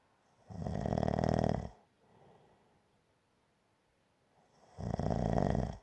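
Two rough, rattling snores on breathing in, separated by a quiet pause; ordinary snoring.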